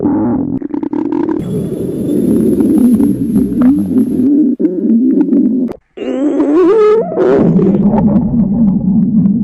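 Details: High school girl, acted hunger scene: long, loud, warbling low growls with gurgling pitch swoops; stomach growling (bowel sounds) from hunger.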